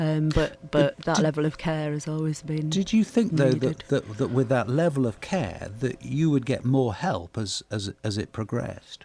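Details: Adult radio presenter; typical speech.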